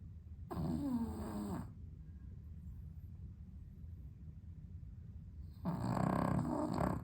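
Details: Sleeping dog with sleep apnea, somewhat improved on heart medication, on a hot 32°C day without air conditioning: two loud, rattling snores separated by a quiet pause of about four seconds.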